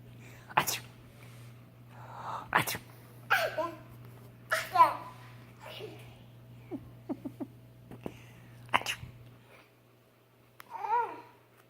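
Several sharp sneezes from a child, each with a quick intake then an explosive burst, with soft voice sounds between them in a quiet room.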